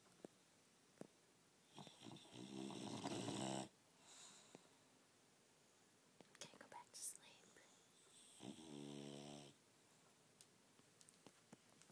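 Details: Bulldog napping in a tent, snoring: two long, raspy snoring breaths with snorting, and quiet rustling between them.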